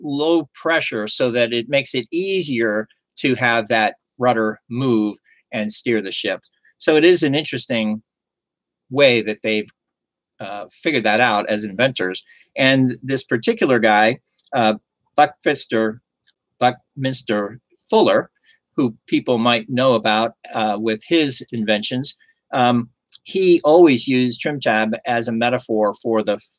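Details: Adult male stroke survivor with aphasia caused by stroke, years into recovery after speech therapy and still not fully recovered; aphasia.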